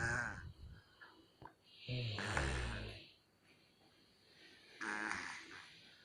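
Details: Baby snoring: low, rattling breath sounds repeating with slow breathing, two or three a few seconds apart.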